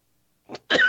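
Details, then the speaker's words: Two short cough bursts from an adult man, the second louder and harsher; he attributes ongoing coughing to grass and pollen allergy. "I'm gonna cough again. Look, you about to cough again, man. Hey, breathe."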